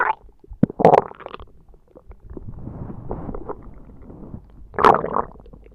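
Short gurgling rumbles and squelches in bursts; ordinary stomach growling.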